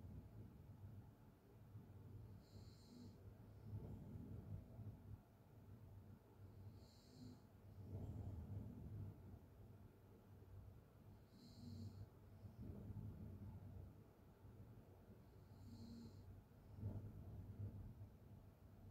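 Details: Sleeping person's open-mouth snoring from a long snoring recording that mentions sleep apnea and mixed-in white noise: soft, rough snoring with slow rhythmic breaths, about 14 a minute, over faint room noise; snoring.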